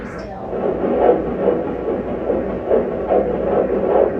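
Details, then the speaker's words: Anatomy ultrasound of a male fetus with a low-lying placenta: rapid, rhythmic whooshing pulses measured at 141 a minute, a normal fetal heart rate. "all right it's 141 that's good"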